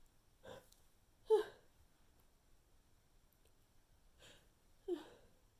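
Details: Sneezing fit from a persistent tickle that never produced a strong sneeze: four soft, weak sneezes at short intervals in a quiet room.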